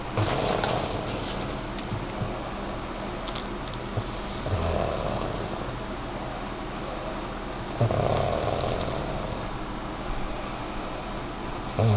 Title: Snoring wife